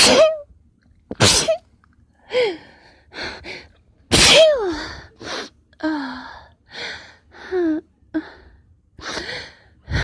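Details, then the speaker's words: Repeated sharp, explosive sneezes with short voiced catches and gasping in-breaths between them, while the sneezer tries to stifle or half-stifle them; sneezing. "It's getting harder and harder to stifle, so I mean, I will. That was funny. It might be too strong to maybe half stifle."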